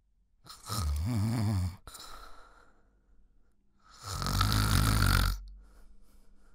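Two loud, rattling snores on inhalation with soft breathing out between them. Ordinary heavy snoring.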